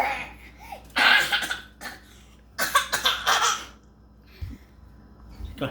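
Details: A few short, playful coughs mixed with laughter from a baby girl, coughing for fun: a voluntary cough.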